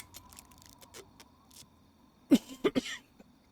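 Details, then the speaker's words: Adult with frequent coughing fits while recording a gaming session gives three quick, forceful coughs in close succession after a quiet stretch; coughing fit. "sorry about coughing so much in this recording it's really going to be the only way i may manage to make any recordings though so i kind of had to stick with that idea"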